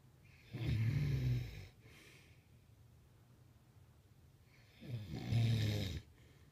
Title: Trying to sleep with husband snoring super laud